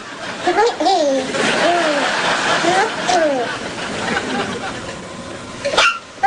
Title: Baby Hiccup